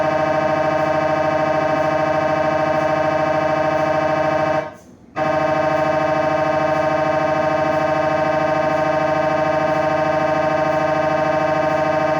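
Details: Live recording from inside the MRI room during scanning: loud, steady, rapidly pulsing electronic buzz with a brief pause partway; MRI scanner noise.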